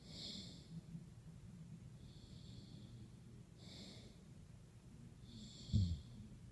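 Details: Sleeping snorer: soft, hissing breaths recurring about every two and a half seconds, with a brief snort near the end; quiet snoring.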